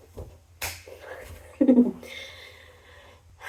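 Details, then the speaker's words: Vocal tic of Tourette syndrome: a sudden, forced laugh-like burst with sharp breaths around it, pushing air through the throat; the person describes this tic as really painful, making the neck veins feel like they will pop. "But a lot of my tics do hurt, like that laughing one I just did, that like pushes air through my throat, I think, in a way that actually it's really painful, and sometimes it makes it feel like the veins in my neck are gonna pop out"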